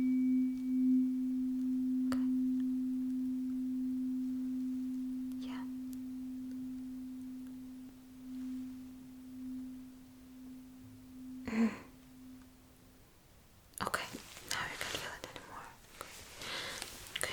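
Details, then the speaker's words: Simulated ASMR cranial nerve exam roleplay: a vibrating tuning fork is placed on each hand while the patient reports when the vibration stops. Tuning fork vibration sense test. "you will simply let me know uh if you feel the vibration and how long you can feel it and when you stop feeling it."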